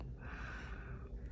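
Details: A newborn baby gives a single small, soft nasal sneeze against low room rumble.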